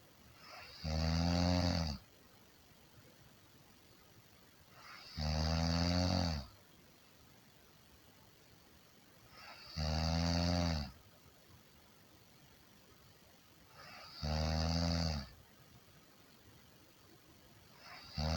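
Loud, regular rumbling snores on each in-breath, about 14 a minute, with quiet pauses between them.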